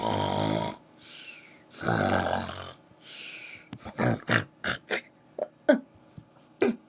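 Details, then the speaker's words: Sleeping dog snoring: a few loud, rough snorting breaths, then a run of short snuffling snorts. "I'm sorry you're snoring."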